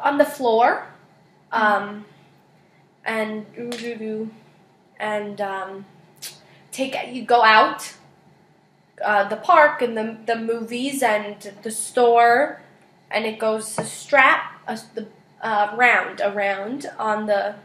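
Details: Patient in a speech therapy session describing a picture card, with fluent, rambling speech and jargon; finding: Wernicke's aphasia.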